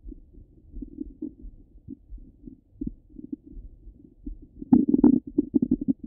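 Irregular low gurgles and bubbling rumbles, louder near the end; ordinary stomach rumbling.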